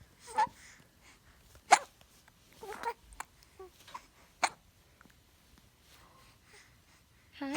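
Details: An infant girl with hiccups: several brief, sharp little catches spaced a second or so apart in a quiet room.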